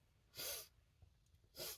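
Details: Sneezing apologetically into a handkerchief, suspects something in the air: two sharp, hissing sneezes about a second apart, muffled as if into a cloth: sneezing fit.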